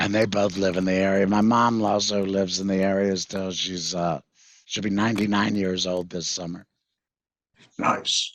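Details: 66-year-old male with total laryngectomy in February 2019 for vocal cord cancer after months of hoarseness; voice prosthesis fitted September 2019, electrolarynx used before that; tracheoesophageal speech (voice prosthesis) after total laryngectomy.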